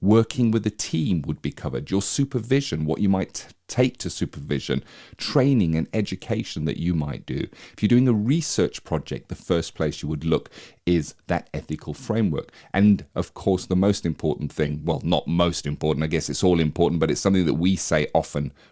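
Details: Adult male speaker; normal speech.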